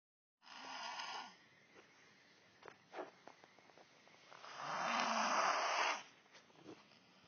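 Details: Snoring from a man who snores a lot: two rough, rattling snoring breaths a few seconds apart, with quiet shuffling between.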